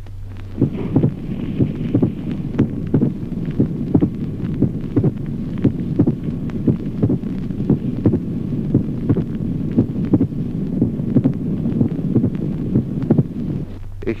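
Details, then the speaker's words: Teaching heart-sound recording: regular heartbeat near 58 per minute, each second sound immediately followed by a crisp extra sound: pericardial knock. "Ejemplo 1tercero. Chassquido pericárdico. Al segundo ruido sigue de inmediato un ruido adicional de sonido"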